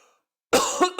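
After half a second of near silence, one abrupt, noisy cough burst with a short throat-clearing tail is heard from an adult; a single cough.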